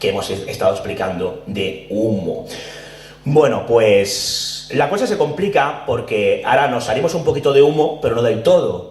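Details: Adult male speaker; Normal speech.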